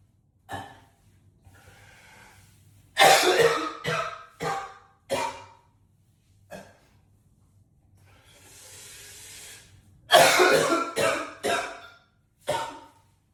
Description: coughing up a lung in the echoey bathroom 😮‍💨